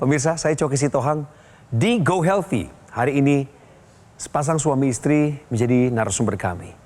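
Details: Adult male presenter; normal fluent speech.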